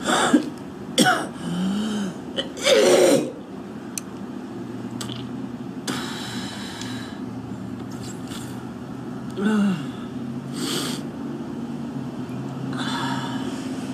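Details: A young woman smoker outdoors at about minus 20 degrees with traffic behind: several harsh coughs, hocking and throat clearing with spitting of phlegm, a smoker's cough.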